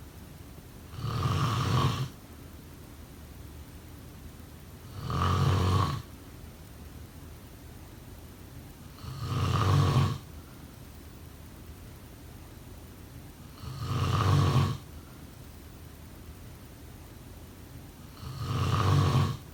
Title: Snoring sound…